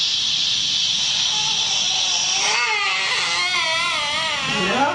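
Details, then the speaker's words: Baby being calmed with swaddling, swinging and loud shushing, not yet settling: loud continuous shushing, then rising, wavering infant cries break through; infant crying. "here you'll notice that the calming isn't quite working with just the swaddling swinging and shushing"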